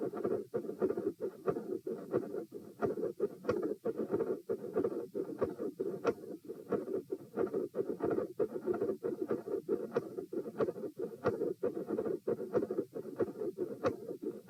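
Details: Recorded at position P with the patient sitting: sharp, high-pitched clicks that appear mid-systolic, recurring over a steady rushing murmur; a mid-systolic click with a systolic murmur.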